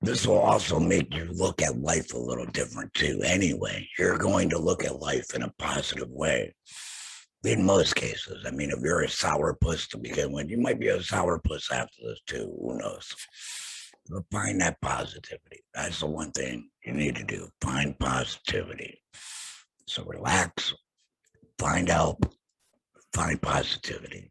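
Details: Adult male laryngectomee after throat cancer, total laryngectomy with vocal cords removed; alaryngeal speech after total laryngectomy.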